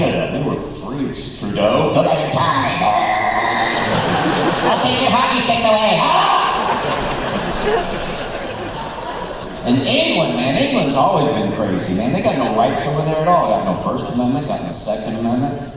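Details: Male speaker with spasmodic dysphonia, an incurable vocal disorder he developed at the height of his career; vocal coaches and doctors did not help, and it progressively worsened until his voice was gone; he says it is audible now; spasmodic dysphonia.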